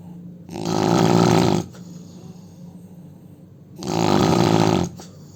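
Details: Snoring in an Indian man: loud rattling snores on each in-breath, two in about five seconds, with quiet breathing out between them.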